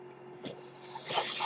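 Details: Breath cycle of the podcaster's own mechanical ventilator, heard while he speaks.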